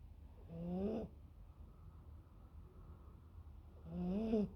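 Two drawn-out, rising nasal snore sounds about three seconds apart with quiet breathing between: snoring in a sleeping puppy.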